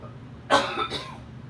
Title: 7/7/18 Talking about what I call the TI cough